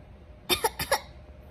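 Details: Young girl imitating a cat's cough (copycat) after being told not to cough: two quick paired playful cough-like bursts.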